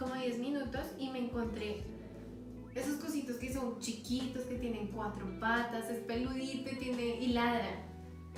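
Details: Acted demonstration of anomic aphasia with circumlocution: the speaker describes an object's features in place of the name she cannot retrieve.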